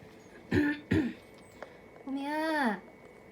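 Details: Cat with feline herpesvirus upper respiratory infection, on medication and since recovered: two short, harsh hacking coughs followed by a drawn-out vocal sound.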